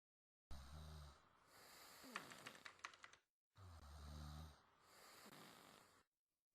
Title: SNORING.